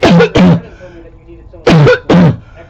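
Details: Close-up recording from 2014 of a person's own long-standing barking cough: two pairs of harsh, hollow, barking coughs with quiet pauses between.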